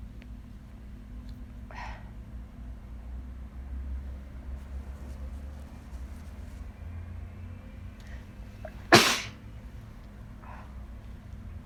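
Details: Induced sneeze, tried with something new: a brief breathy build-up, then one sharp, explosive wet sneeze over a steady background hum.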